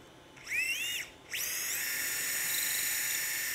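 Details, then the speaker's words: Open Achilles tendon repair with percutaneous technique using CrossFT knotless suture anchors, drilling into bone. The high-pitched whine of a powered surgical drill: a short run, a pause, then a longer steady run. "we're just tapping it now we're going to drill the other side"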